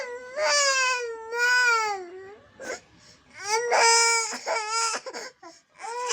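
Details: Young child crying for his mother during an ABC and animal-sounds learning session: long wailing cries with sobbing breaths between them, indoors.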